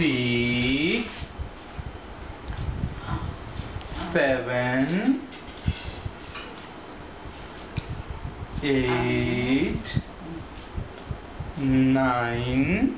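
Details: Woman with aphasia after a stroke, recorded before therapy, counting numbers with a therapist's prompting; finding: aphasia after stroke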